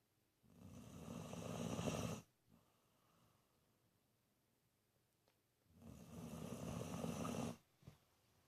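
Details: 19-year-old dog, kept since a few months old, asleep with his eyes wide open: two long, loud, rattling snores separated by a quiet pause; heavy snoring.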